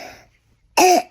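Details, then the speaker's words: Single harsh, tight, honking cough burst with hoarse seal-like barking tone; real croup cough in a child, shared by a pediatric emergency department. "Muitas vezes, as pessoas chamam esse som de "latido de foca", mas para mim, ele sempre me lembra daquela cena em Jurassic Park em que os velociraptors estão latindo dentro da cozinha."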